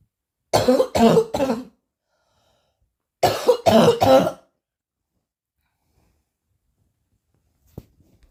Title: coughing hard